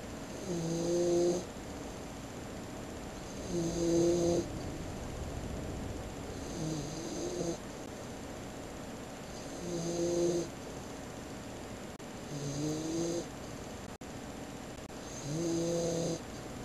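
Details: Tango, a 16-week-old puppy, sleeping on the bed, tired after a walk in the woods: soft regular snoring, about one snore every three seconds (~20 a minute), over faint room noise.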